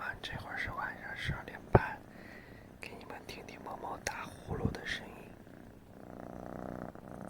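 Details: A cat purrs with a soft, low rumble, heard through quiet room noise with faint, whisper-like breathy sounds.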